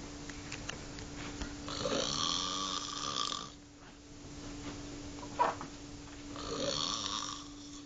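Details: Snoring in a hospital setting: loud, rough snoring on two breaths in about eight seconds, with a steady hum of room equipment in the background.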